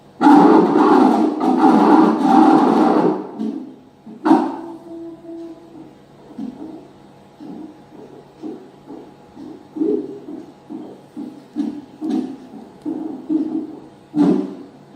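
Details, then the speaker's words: Fetal heartbeat on Doppler during CTG examination of a pregnant woman, head presentation, probe on the right below the navel: loud rubbing, then rapid rhythmic whooshing pulses at roughly 140 a minute. "Hai nah ini adalah suaranya jantung jadi Iya sore Neng Jogja jam satu tadi"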